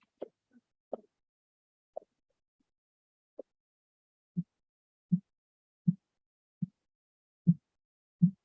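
Simulated blood pressure reading: faint taps become steady low thumps at about 80 a minute, the Korotkoff sounds heard during cuff deflation.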